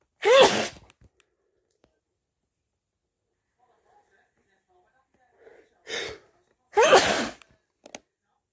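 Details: Two loud, forceful cold sneezes with a softer sneeze-like burst between them, in a quiet room; sneezing with a cold.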